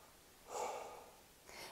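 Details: Soft airy rush of one deep breath, normal breath sounds, heard with the stethoscope at the lung apex during a nursing chest assessment; no wheeze or crackle.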